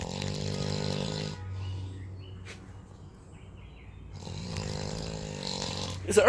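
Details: Snoring in a sleeping man: two long, loud, rumbling snores, likened to an earthquake, separated by a quiet pause.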